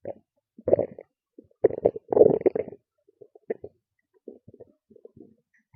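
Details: Loud stomach growls and gurgles: bursts of loud gurgling and growling with short gaps; ordinary stomach rumbling, normal bowel sounds (borborygmi).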